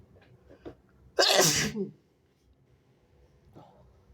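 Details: Quick catching breaths, then one forceful wet, spraying sneeze, then quiet; wet, messy sneeze.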